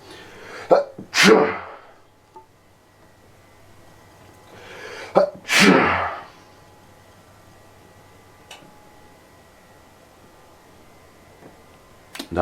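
Two loud sneezes, each led by a sharp inward breath, then quiet; repeated sneezing from allergies.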